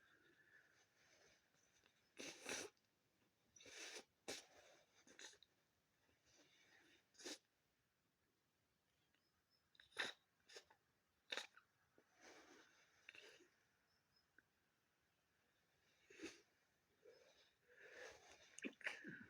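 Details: Person with a congested head cold: several sharp sneezes with sniffing and nose-blowing between them in a quiet room; sneezing.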